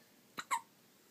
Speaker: It's with the hiccups.